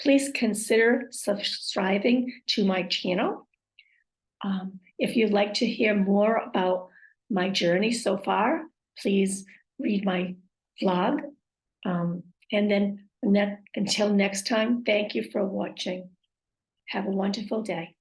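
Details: Aphasia with apraxia of speech and dysarthria after a stroke, with trouble saying the time aloud and finding words.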